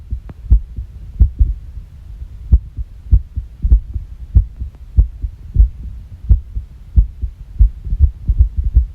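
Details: Irregular heartbeat recorded by the person themself after a shock, when the heart reportedly stopped for 9 seconds: low, thudding beats at about 97 a minute with uneven spacing.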